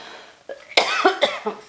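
A quick run of about four coughs from an adult woman in a quiet room: a short coughing bout.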